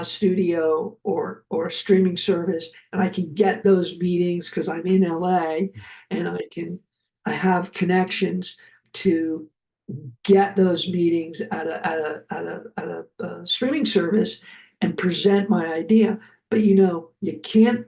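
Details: Adult male Hollywood producer who survived a heart attack and aphasia, and who could not speak after these health crises; he himself remarks that his aphasia is audible here. Finding: aphasia.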